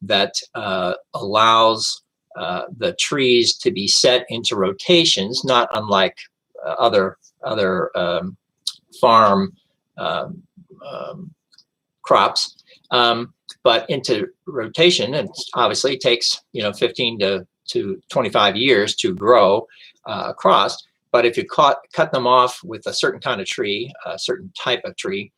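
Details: Person with aphasia after a stroke that destroyed millions of brain cells, who regained language over years of persistent, repetitive reading, writing and speaking practice; aphasia.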